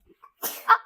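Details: Toddler with a common cold caught at school: one sharp, explosive burst, a single cough or sneeze.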